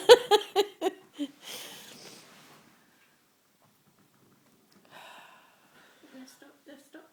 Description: Hilarious synchronized hiccups!!